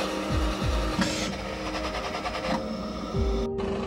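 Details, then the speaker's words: Rapid mechanical buzzing pulses under background music from the oscillation mode of a CC20 Comfort Cough II mechanical in-exsufflator, vibrating during inhalation and/or exhalation to loosen airway secretions. "this function is giving vibration during inhaling or exhaling or both process and shaking up the secretions to clean the airway more easily"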